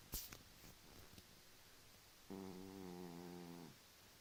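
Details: Cat snoring late at night: a single drawn-out, buzzing, tonal breath lasting over a second after a few soft clicks in a quiet room.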